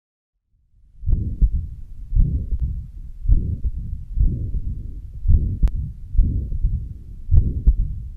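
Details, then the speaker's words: Combined mitral stenosis and regurgitation: low, irregular heart sounds with a pansystolic murmur filling systole and a rumbling mid-diastolic murmur; may be hard to separate in tachycardia, so listen at least 30 seconds. "you will be able to detect a murmur during sisterly which is often pan-systemic and a diastely which is mid diastolic signifying then there is a combination of mitral stenosis and reduction in the given cvs short case"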